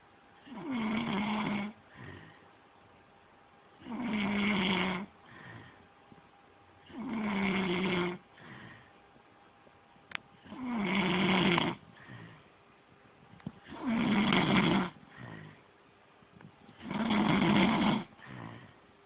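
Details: Regular loud rumbling snores on each breath in, with a softer sound on each breath out, about 19 breaths a minute; ongoing snoring.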